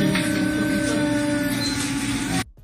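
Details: Patient whose vocal folds bow rather than stay straight and do not meet in the midline; vocal fold atrophy (bowed vocal folds).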